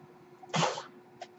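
A brief rush of air, then a softer puff, over a steady low room hum, the breath cycle of a mechanical ventilator.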